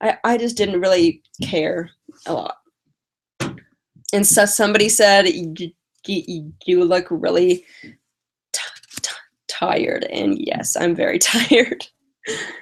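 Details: Woman with a stutter who uses strategies such as prolonging words and talking slowly; stuttering.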